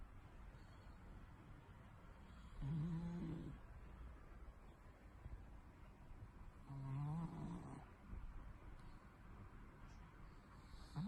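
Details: Two soft, low, buzzy snores about four seconds apart over steady room noise, from a sleeping pet cat; snoring.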